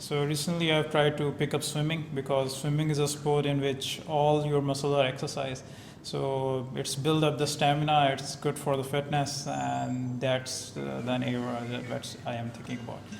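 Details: Adult man speaking; conversational speech.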